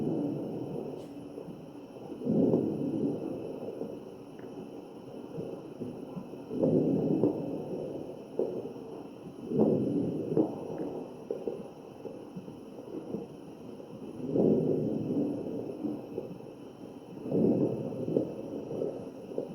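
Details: Crackles in the breath sounds of a real mechanically ventilated patient, recorded at the chest.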